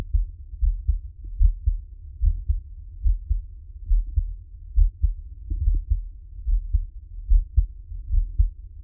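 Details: Adult man's own heartbeat recorded for ASMR relaxation: soft, steady low thumps in regular pairs at about 73 beats a minute; normal heartbeat.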